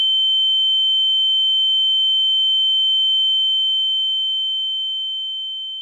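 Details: Simulated tinnitus sound effect: a steady, pure high-pitched ear-ringing tone fading slightly at the end.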